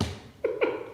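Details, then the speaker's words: Two quick, faint sneezes close together in a quiet room from a pet cat said by its owner to have allergies. "Excuse me, if you can hear some sneezing in the background, it's my cat Petunia. She has allergies, so"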